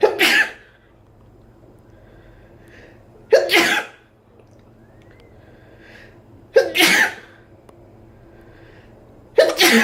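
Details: Person sneezing while sitting on a couch: four loud, sharp sneezes about three seconds apart, each a sudden explosive burst of air, with quiet in between.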